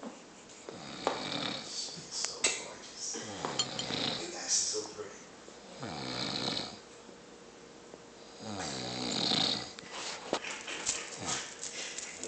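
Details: Snoring likened to a grizzly bear; repeated rough snoring breaths with rising and falling pitch over background clatter and talk.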